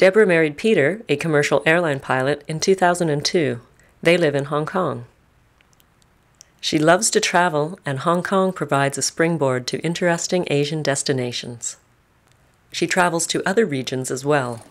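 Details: Adult narrator; Ordinary speech.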